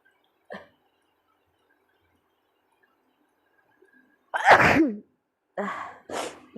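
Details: A faint catch, then a loud voiced sneeze followed by two more sneezes in quick succession; repeated sneezing.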